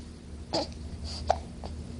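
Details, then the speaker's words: Baby boy at sleepy night time, with brief sharp infant hiccups over quiet room noise; the baby jumps with each one and may also be about to spit up. "just love my baby boy love him somebody got the hiccups or trying to spit up as well"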